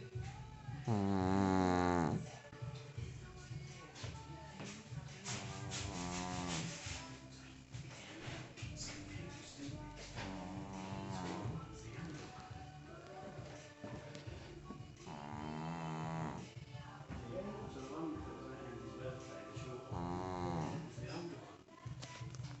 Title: cat snores